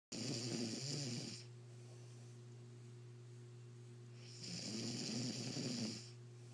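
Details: Two long, harsh rattling snoring breaths about four seconds apart with a steady hum between them; snoring.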